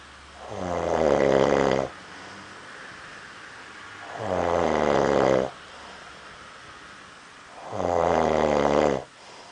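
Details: Person snoring in Amsterdam, likened to a train: loud, rattling snores on each breath in, about three in under ten seconds, with quiet breathing out between: heavy snoring.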